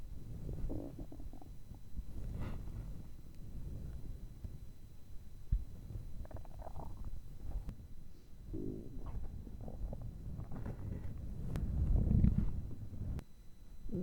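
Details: Stomach growling from hunger, recorded up close for earphone listening: low rumbling, gurgling bowel sounds rising and falling throughout, louder near the end.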